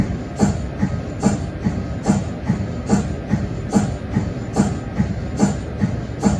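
Steady rhythmic mechanical chuffing, about 72 pulses a minute, over a constant hum; normal MRI cold head pumping.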